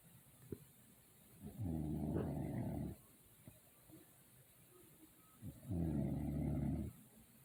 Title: My daughtter recording me sleep & snoring😂😂😂